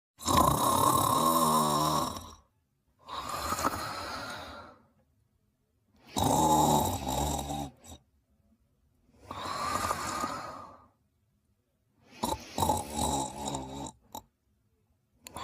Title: Ginger Sleeping and Snoring in her Bed in 44 seconds